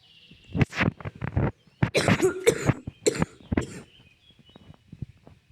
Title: my first vid please no hate and don't mind my cough